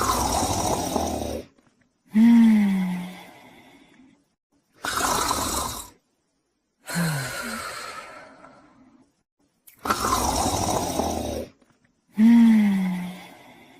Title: The Female Borzoi Dog Sleeping & Snoring